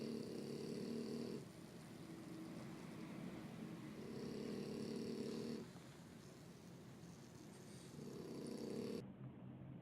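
Soft, regular snoring breaths about every four seconds, roughly 15 a minute, over steady background hiss.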